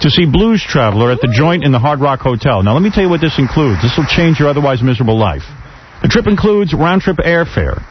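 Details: Adult male radio host; typical speech.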